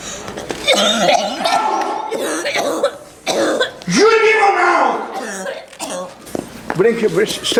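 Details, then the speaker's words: Woman from Indiana, originally from Zimbabwe, with a cough for about six years that has not responded to medication; repeated coughing bursts mixed with voiced sounds and throat clearing in a large hall during a prayer session: chronic cough. "When I came here, I was just coughing, and I've had this cough for about six years. It doesn't respond to any medication."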